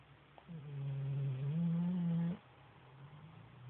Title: Bracken the Chocolate Lab snoring